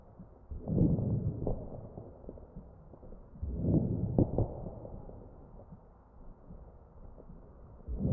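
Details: Crackles heard over the chest of a real patient on a ventilator, recorded with an electronic stethoscope.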